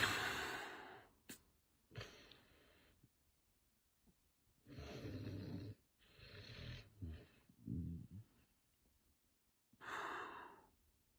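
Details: Milton, a Chihuahua, sleeping beside a snoring dad; irregular low, rough breathing noises during sleep, with a few loud snore-like bursts separated by quiet pauses; snoring.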